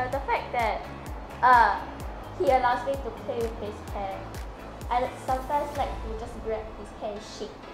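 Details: Girl speaking; Normal child speech.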